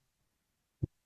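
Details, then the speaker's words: Tumor plop of atrial myxoma: a low-pitched sound in early or mid diastole from the tumor striking the mitral valve or ventricular wall; the finding may be positional because gravity moves the tumor. "So you can hear now there's a low pitch sound or your tumor plop during early or mid diastillate results from the impact of the tumor against the mital valve or your ventricular wall."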